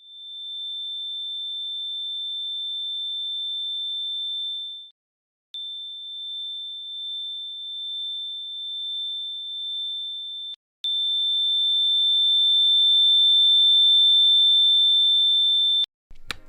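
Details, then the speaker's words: Simulation of one person's long-standing tinnitus, much worse when it began years ago and now tolerable, recreated in editing software and said to sound worse than the real thing: a steady high-pitched ringing tone in several segments. "it was really really bad back then but now it's it's okay so anyway this is actually what my 1080 sounds like"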